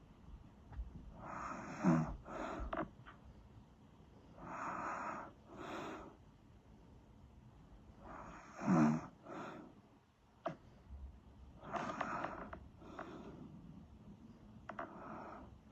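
Rough, fluttering breathing noises in paired bursts, roughly nine a minute, in a quiet room; snoring.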